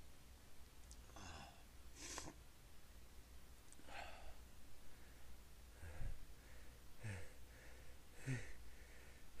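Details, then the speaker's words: Person unable to stop sneezing despite trying to stifle them: about six short, muffled bursts of breath spaced over several seconds in a quiet room; stifled, repeated sneezes. "Oh man, I can't stop. Sneeze. Fuck. Just keep coming."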